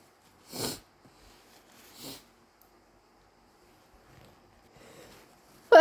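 Two short, sharp bursts of air about 1.5 seconds apart, then faint sniffing and a sudden loud sound at the end: two sneezes.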